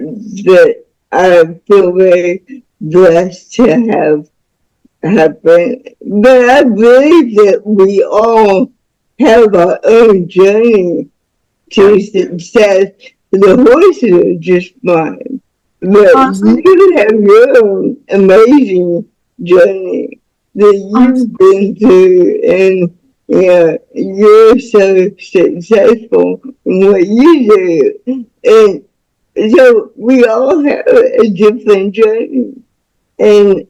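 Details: Dysarthric speech in a woman soon to be 49 with lifelong cerebral palsy, born with the umbilical cord around her neck five times; a doctor said she would never walk or talk.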